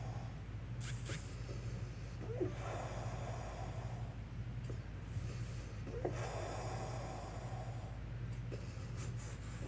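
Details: Wheezing and having trouble breathing in the morning; wheezing with labored breathing.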